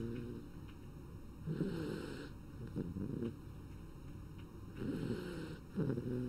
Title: Batty Snore ASMR